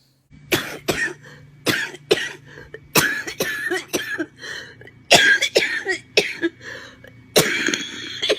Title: misc cough comp 2